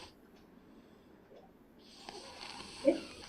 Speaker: So this is a child who is probably snoring, but therefore it tells you that the noise is coming somewhere from the nasopharynx.